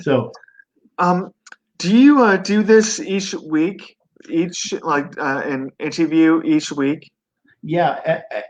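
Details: 42-year-old man who had a stroke at 17 from an artery branch rupture during benign brain tumor surgery, causing global aphasia and right-sided paralysis; about 25 years later, after relearning speech, he has mild residual aphasia.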